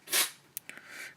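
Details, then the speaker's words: Male cat with an ongoing sinus problem having a sneezing fit in the background: a single sharp, hissing sneeze followed by a few soft snuffly clicks; cat sneeze. "Tiff is the cat by the way who is being terribly sick at the background"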